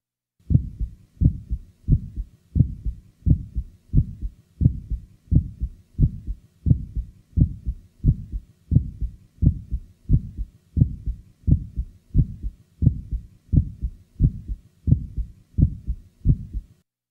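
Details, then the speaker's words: Patient with mild aortic stenosis: a regular heartbeat near 85 a minute with a crisp, high-frequency early systolic click after S1, an aortic ejection sound. "listen now to an ejection sound the following example was taken from a patient with mild a or text enosis"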